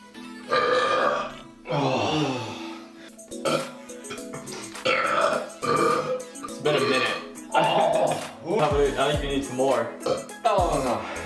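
Long, loud, deliberate belches over background music, roughly one a second.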